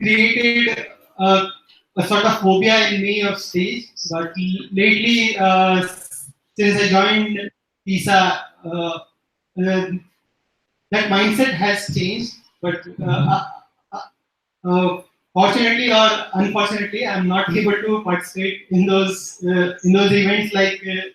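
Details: Stuttering in an adult female stand-up comedian with a slight speech impediment since growing up; she says she stutters in conversation, though less than on stage.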